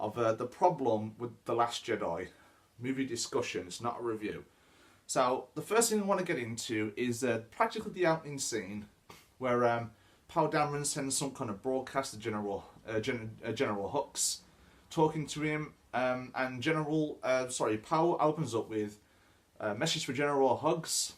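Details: Adult man who says he stammers; stuttering.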